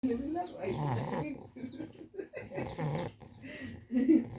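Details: English bulldog snoring: rough, snorting, rattling breaths in repeated bursts, the noisy snoring of a flat-faced breed.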